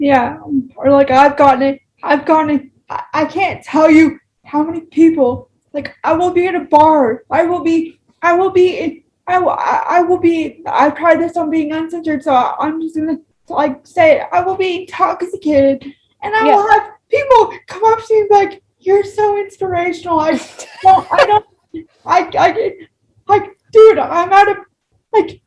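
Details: Woman with cerebral palsy and spasticity affecting speech, who says talking takes her longer; frequent repetitions heard; spastic dysarthria.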